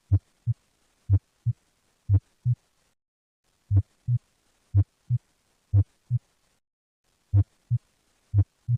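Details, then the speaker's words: Dextrocardia heart sounds, with the apex on the right so they are heard best on the right side of the chest: clear, regular lub-dub at about 60 beats a minute. "os sons cardíacos serão ouvidos melhor no lado direito do peito"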